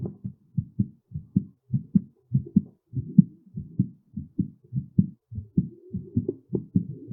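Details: Rapid strong regular paired thumps, close to 100 beats a minute, during and after physical exertion: heart sounds after exertion.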